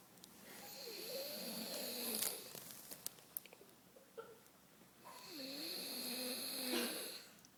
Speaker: We're stuck with the snoring monster. Yes.